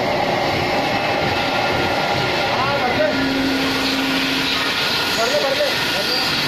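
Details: Steady loud motor roar with hiss and a brief faint tone from a running vacuum suction machine.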